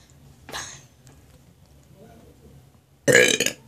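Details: Person feeling very sick and nauseous in the bathroom, saying they feel like throwing up and that water didn't help: two loud belches, the second longer and harsher, with a softer burp between; eructation with nausea.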